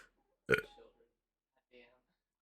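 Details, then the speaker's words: Single loud, throaty burp, then a faint voiced sound, released after chugging a Diet Wild Cherry Pepsi while trying not to burp, at 3:15 in the morning. "did it okay here comes the burp oh gosh"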